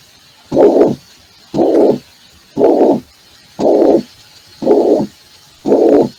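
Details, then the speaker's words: Mitral regurgitation auscultation: steady blowing systolic murmur filling each systole at about 58 beats a minute. "ya escucharon la estenosis vitral ahora van a ver lo que es insuficiencia de se escucha bien no es un soo de tipo sistólico"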